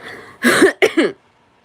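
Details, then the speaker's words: Two short harsh coughs, with faint room sound before, from an adult still sick after more than a week. "And I will be coughing when I go on panel like I went last night."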